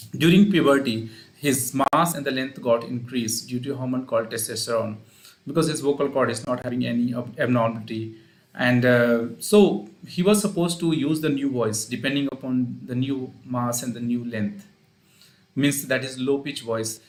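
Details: Adult man speaking; normal speech.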